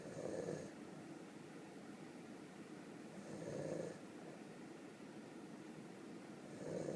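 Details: Sleeping donkey gives three loud, rough snoring sounds about three seconds apart, with quieter breathing between them: snoring.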